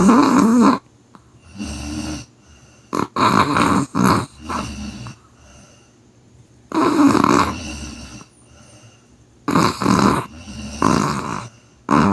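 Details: Sleeping animal, possibly a chihuahua dog (hashtags only), in deep sleep: loud, rough breathing in bursts with quiet gaps between; snoring.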